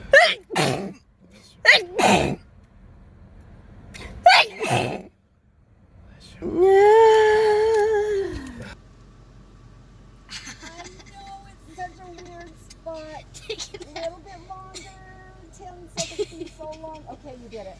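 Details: Several sharp, explosive sneezes from different girls triggered by COVID-19 nasal swab testing, one long drawn-out vocal sneeze, then light background music; sneezing compilation.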